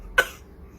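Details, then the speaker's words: Baby girl imitates a cough on her parent's prompting, as part of learning to cough and sneeze. Imitated cough. "Bir de öksür bir de bir de bir daha öksürelim bir daha öksürelim nasıl öksürüyoruz"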